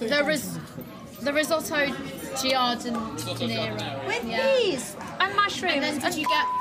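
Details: Adult woman speaking; ordinary speech.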